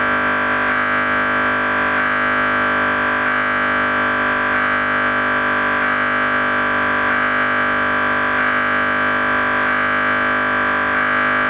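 Loud, continuous buzzing drone from an MRI scanner with a steady pulsing pattern, about 47 pulses a minute.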